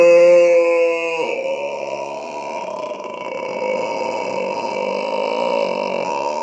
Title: Long burping for more than a minute げっぷ